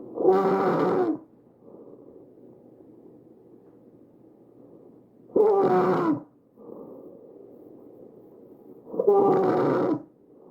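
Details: Tracheal stridor: loud, harsh, high-pitched musical noise on each breath, three breaths over ten seconds, from a narrowed upper airway.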